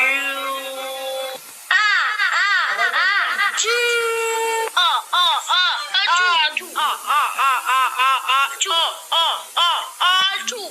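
Loud, high-pitched wailing and repeated crying bursts from a young child, rising and falling in pitch; an infant cry.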